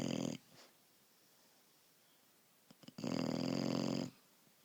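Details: Sleeping dog: a long, coarse, fluttering snore preceded by a shorter one, separated by quiet pauses; loud snoring.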